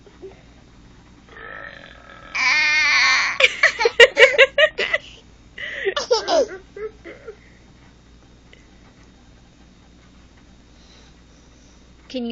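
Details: A loud, drawn-out burp followed by bursts of a young child's laughter in a quiet room; ordinary belching.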